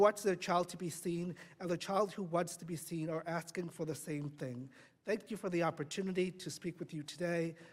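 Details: Adult speaker; Normal speech.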